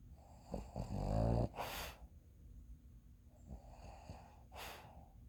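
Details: Sleeping dog with a low rattling snore on the in-breath followed by a soft snorting exhale; ordinary snoring.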